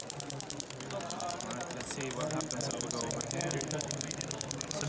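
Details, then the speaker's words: Rapid, regular mechanical tapping from a Storz shockwave device with its applicator lowered to 10 Hz and low energy, used in vibration mode for skin-friction shear while treating a former athlete's chronic golfer's elbow; faint talk behind. "then I lower the the Hertz to 10 Hertz and I'll lower the energy as well because we don't need a lot of energy this is no longer shockwave this is just an added tool to the shockwave device this is vibrations we use the vibrations together with the friction of the skin to create the shear force between the different layers"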